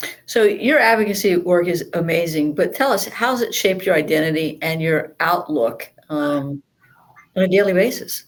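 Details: Adult female speaker; ordinary speech.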